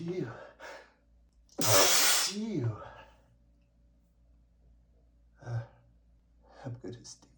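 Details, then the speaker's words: One loud explosive sneeze with a sharp intake of breath, then short sniffs and breathy gasps from an adult male; allergic sneezing fit that is not relieved by that morning's medication. "I can't stop sting."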